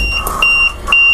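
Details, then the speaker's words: Repeated high-pitched electronic alarm tones from an LTV ventilator during setup, after a low oxygen pressure warning before oxygen connection; then silenced. "do we want to keep the alarm going no we're gonna hit the silence button right over here"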